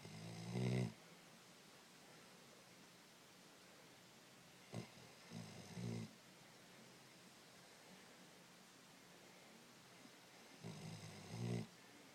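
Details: Three low, rattling snores about five seconds apart, separated by quiet pauses, during sleep. Snoring.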